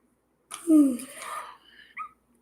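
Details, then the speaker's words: Adult speaking on camera with persistent hiccups: abrupt voiced catch in the throat, then a small second catch; hiccups. "i got hiccups still oh i haven't had hiccups in a long time"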